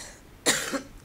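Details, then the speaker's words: Adult woman who is losing her voice gives a single short, harsh cough with a trailing voiced tail while giving a talk, in a quiet room. "I'm so sorry for my voice I'm losing my voice excuse me"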